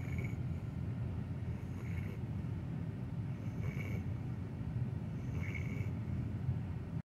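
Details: Low, continuous rumbling snore from a sleeping Weimaraner dog, with faint breath cycles roughly every two seconds; snoring.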